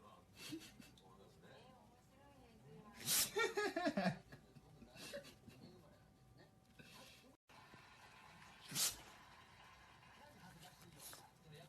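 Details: Dog sneezing: short, sharp bursts of air, followed later by a single clear sneeze in a quiet room with faint voices.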